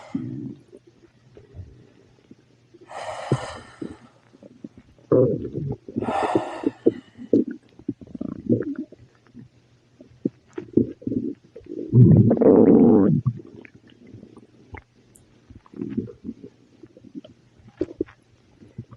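Loud gurgling, rumbling abdominal noises in irregular bursts: prominent bowel sounds with an upset stomach.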